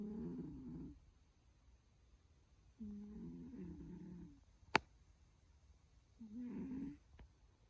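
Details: Sleeping pet snoring while dreaming: three slow, low, rumbling snores about three seconds apart, with a brief click between them.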